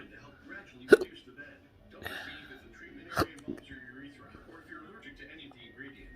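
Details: Intractable hiccups with choking spasms, Oct/Nov 2022, in a person in a cancer study; episodes last hours and are worsening; two sharp, abrupt hiccup-like catches about two seconds apart over quiet background.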